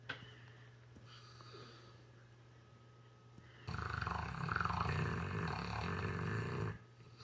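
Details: A rescue Saint Bernard dog snoring with its tongue out: quiet breathing, then a loud, rough, fluttering snore lasting about three seconds during one breath.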